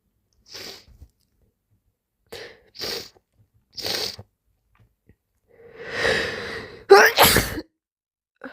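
A run of quick nasal sniffs and breaths building to a loud, wet, explosive sneeze.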